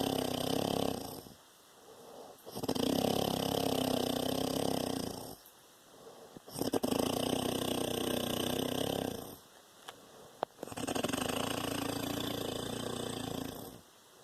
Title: Papa snoring